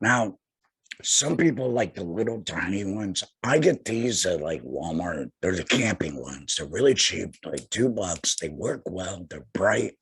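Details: Adult man about two years after total laryngectomy for head and neck cancer, speaking via tracheoesophageal puncture voice prosthesis while finger-occluding his stoma/HME; tracheoesophageal (alaryngeal) voice after total laryngectomy.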